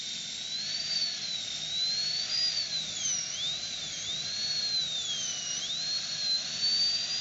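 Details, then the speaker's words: High-speed dental handpiece extending the occlusal box toward grooves and fissures in a class II cavity preparation; shrill drill whine rising and falling in pitch as it cuts. "Eu vou estender agora a caixa oclusal em direção aos sulcos e fissuras, porque são áreas de alta incidência de cárie."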